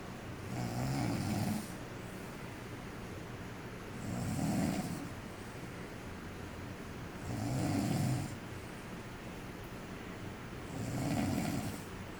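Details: Four loud, rough snores at a steady pace over about 12 seconds, roughly 20 per minute, with a quieter breath between each, caught on camera: ordinary snoring.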